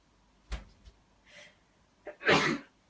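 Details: After soft breaths and an inhaled catch, one sharp, loud, hissing sneeze from a girl in a sneezing compilation.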